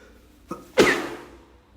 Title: trying to be quiet (stifles and muffled sneezes)